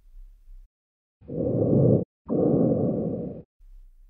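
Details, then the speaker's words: Loud, hollow bronchial breath sounds with a clear pause between inspiration and a long expiration, from a lung sound quiz; normal over central airways but abnormal peripherally. "Dan jawaban yang benar adalah bunyi nafas bronkial. Ini adalah napas normal ketika diauskultasi melalui saluran udara sentral, tetapi tidak normal pada auskultasi perifer"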